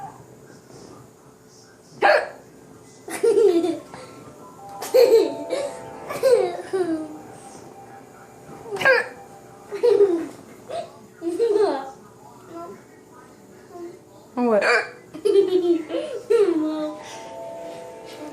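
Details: A mother's hiccups: short, sharp, voiced adult female hiccups, each followed by a young child's laughter, ordinary hiccups.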